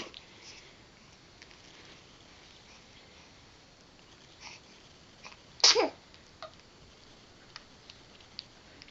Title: A Baby Sneezing